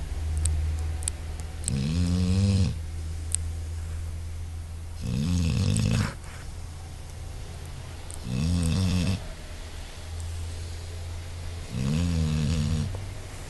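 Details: Four loud, low, rumbling snores at about 18 a minute over steady room hum, recorded on an Android phone; snoring.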